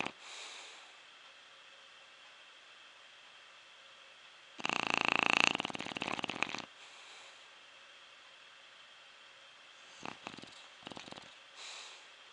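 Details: Deeply sleeping subject snoring: a loud, rattling snore lasting about two seconds, then a few softer snuffling breaths.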